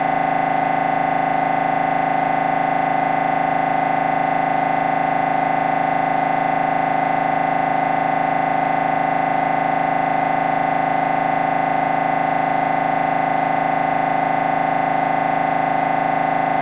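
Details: Loud, steady, rapidly repeating mechanical buzzing at about 158 pulses a minute from an MRI scanner during a brain scan, a normal operating sound.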